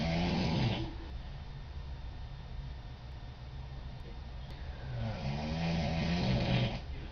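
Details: Woman snoring in sleep at night, recorded by roommate: two deep rumbling snores with a quiet breathing gap, steady room noise.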